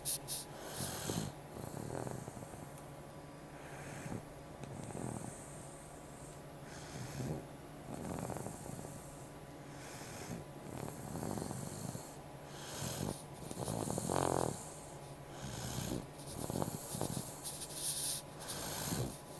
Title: Meo is sleeping and snoring